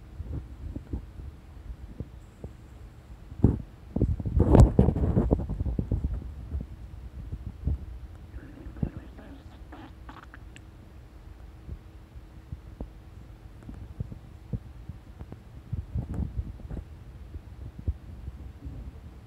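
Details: A woman's stomach during digestion, listened to by her tabby cat: low, irregular gurgles and rumbles, loudest in an early burst and again near the end; normal bowel sounds.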